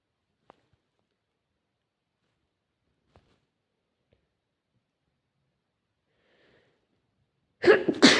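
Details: Sneezing: after near silence with faint clicks, a loud, sharp sneeze bursts out, quickly followed by a second.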